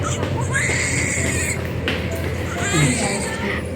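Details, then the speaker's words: Newborn baby's thin, high-pitched cry just after birth by planned C-section in hospital, heard over room noise and low background talk; healthy newborn cry. "உன்ன மாதிரி கத்திக்கிட்டே இருக்கு பாப்பா queen queen ரொம்ப குட்டியா கத்துது"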